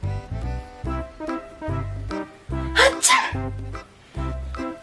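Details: A single sharp, explosive sneeze heard over loud background music.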